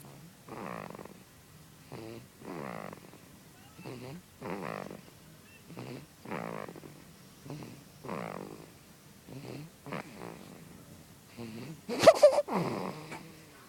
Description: So weird my son snores like daddy